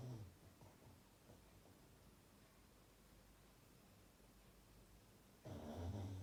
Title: Snoring Dog